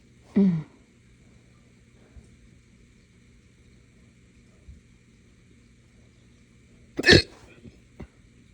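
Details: Hiccups after drinking morning coffee too fast on an empty stomach: two abrupt throaty gulping bursts several seconds apart, with a faint click after the second, in a quiet room; hiccups with belching.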